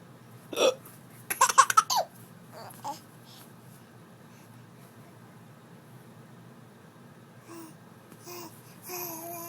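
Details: A child hiccups with a sharp burst, then laughs and babbles, finding the hiccups funny, in a quiet room: hiccups.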